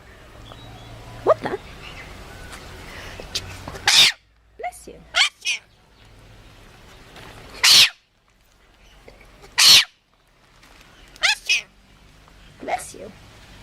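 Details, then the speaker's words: Several short, sharp animal sneezes, some in quick pairs, with quiet room noise between, from a sneezing-animals compilation. "Oh, Did he sneeze on you? Oh, buddy."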